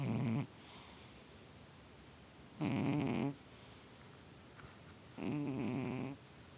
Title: Myra snoring & twitching